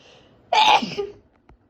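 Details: Single loud, forceful sneeze on a rainy evening: a sharp burst followed by a short fading exhale.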